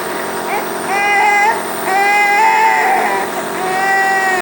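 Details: 16-month-old child given a nebulizer (steam) treatment to stop coughing: a steady mechanical compressor hum runs throughout, with the child crying and fussing over it.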